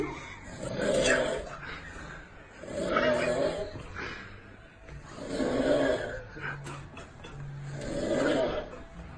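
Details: Loud, rough, rhythmic snores repeating about every two and a half seconds, rising and fading with each breath: snoring.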